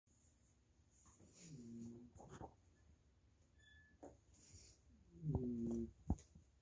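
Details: Loud foghorn-like snoring from a sleeping poodle dog.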